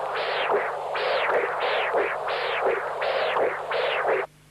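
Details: Pulsed-wave Doppler audio of severe tricuspid regurgitation, from an apical transducer, in a patient with congenital severe tricuspid stenosis, a markedly enlarged right atrium and thickened, immobile tricuspid leaflets.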